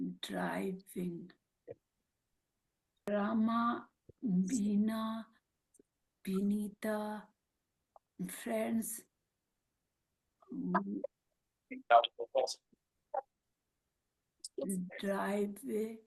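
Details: Aphasia with apraxia of speech after a stroke in a woman who speaks Marathi, Hindi and English; her words come out mixed across these languages.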